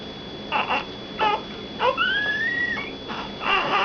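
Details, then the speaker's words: Infant crying while being burped: short, fussy whimpering cries with one longer wavering wail; mild infant crying. "Oh, no wonder. No wonder you were crying."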